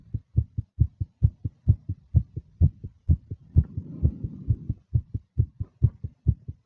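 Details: Fast female nervous heartbeat: rapid, regular paired thumps at about 130 beats a minute, with a soft breath sound midway; tachycardia.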